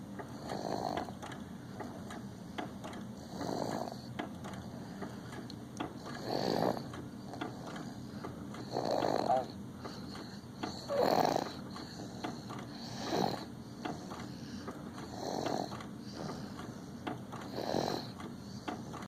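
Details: 7½-month-old infant snoring: soft, rough snores with each breath, about 25 a minute, over quiet room noise.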